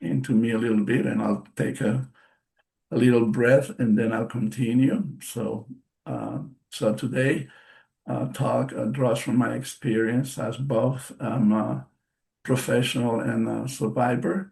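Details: Real post-stroke aphasia in a male bilingual psychotherapist who has been a stroke survivor since March 2020; he reports the aphasia himself and notes that it affects his pronunciation.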